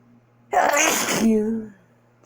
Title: I'm back on Halloween with a sneezing fit